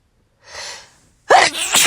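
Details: Sneeze from a compilation: a soft indrawn breath, a short pause, then a sharp explosive burst of air and voice, a single ordinary sneeze.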